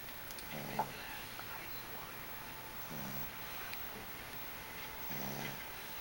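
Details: Old adoptable dog: soft, low snores about every two and a half seconds against steady background hiss; gentle snoring.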